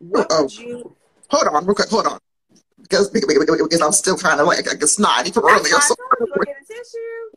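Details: Adult woman who grew up with a stutter and still has it, though many would not notice; speaking on a live podcast recording; stuttering.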